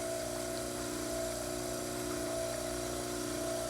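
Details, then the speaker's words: Dental model trimmer cutting the sides of a plaster cast even with a drawn line: steady motor hum with grinding and water noise. "now you can cut away your Capital until it is even with this sline"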